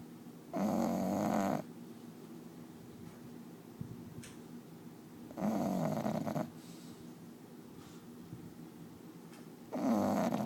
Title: Cookie the snoring bulldog